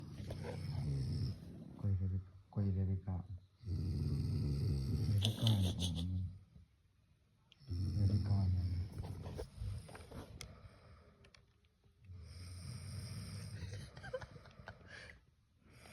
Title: Snoring compt